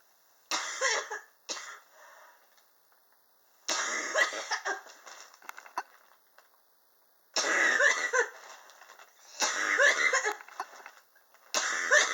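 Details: Repeated bouts of harsh, forceful coughing from an adult, with brief quiet pauses between clusters; a prolonged cough that the patient says is triggered by extreme indoor temperatures in a high-rise apartment.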